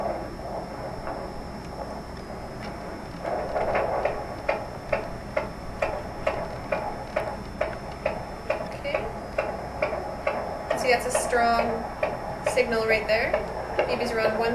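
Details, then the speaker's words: Home fetal Doppler with ultrasound gel: rapid, regular whooshing fetal heartbeat about 136 beats a minute, normal range. "if you don't find it right away you could actually just move around do the angling and then as you hear the heart people kind of hone in on where the baby is that would get stronger"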